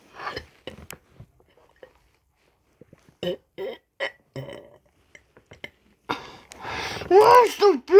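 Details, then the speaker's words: Deliberate loud burps recorded close to a new microphone: several short throaty bursts, then a longer, louder, rumbling belch near the end; burping. "But today we're going to do burps in it and it's going to be very loud."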